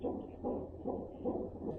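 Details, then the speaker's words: Fetal heartbeat on a hospital fetal monitor during suspected preterm labour that was stopped, with rapid rhythmic whooshing pulses about 145 a minute, regular, and the mother speaking over it. "I'm on my phone because my camera is all the way over there, and I can't get up now that I'm attached, but hopefully you can hear me over little dude's heartbeat."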